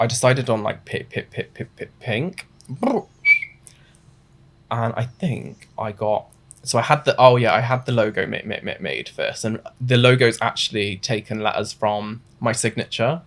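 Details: Adult male with Tourette syndrome, diagnosed suddenly in his mid-twenties; burst of involuntary swearing tics mid-sentence; vocal tics (Tourette syndrome).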